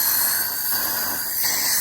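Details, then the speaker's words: Child at a dental check-up, rinsing the mouth after tooth polishing: a steady, high-pitched hissing as the dental saliva ejector suctions water from the mouth; dental suction. "I got my vacuum cleaner you remember this don't you like the vacuum cleer yeah can you feel that weird isn't it let's just suck away all the water okay opening up lot of water"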